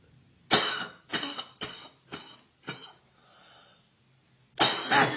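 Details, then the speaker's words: Female coughing first thing in the morning: a run of five harsh, hacking coughs about half a second apart, a short pause, then another cough; she says her cough is bad this morning. "Oh. Cough's bad this morning. Oh. Oh. This is first thing in the morning, by the way."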